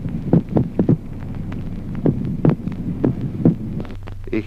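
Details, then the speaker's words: Irregular heart sounds with early beats and pauses and a split second heart sound due to ventricular extrasystoles, teaching auscultation example. "Ejemplo duodécimo. Suplicación del segundo ruido cardíaco en la extrasistolia ventricular."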